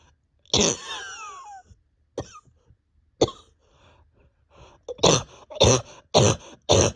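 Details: About seven harsh coughs, singles then a run of four, from a person with pain deep in chest and stomach, awake over 32 hours, bronchodilator not helping; repeated cough.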